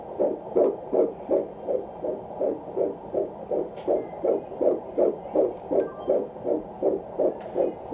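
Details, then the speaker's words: Fetal heartbeat on Doppler at the first ultrasound of a 16-year-old pregnant mother: rapid, regular whooshing beats at about 160 a minute; normal fetal heartbeat. "All right, so I'm gonna listen for heartbeat."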